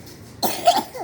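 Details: Young child with a cough and flu, playing on the house terrace: after quiet, a short, double-pulsed cough in a quiet room.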